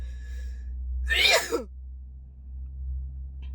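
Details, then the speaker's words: Girl sneezing during a COVID-19 nasal swab test, after the swab in the first nostril: a single forceful sneeze with a sharp hissy burst, then quiet room noise. "feels like i wanna sneeze that's normal yeah a lot of people cheer up oh thank you get cold oh that's a wickedness that made me sneeze as expected"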